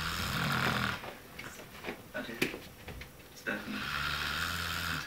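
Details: Man snoring heavily while asleep: loud, rattling snores at the start and end, with quieter breathing and distant talk between.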